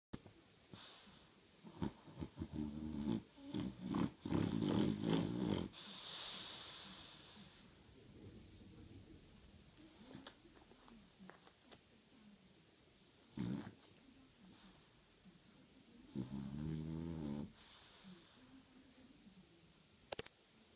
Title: You realize that you love someone when you love also his/her snoring.